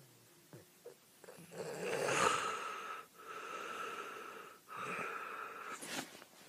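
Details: Loud, strained, whistling gasping breaths, three in a row, from a sleeping adult with obstructive sleep apnea, gasping for air after blocked breathing.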